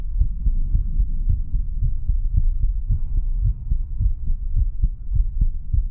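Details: Continuous steady low thumping heartbeat at roughly 110 per minute, played as an ASMR relaxation track: normal heartbeat.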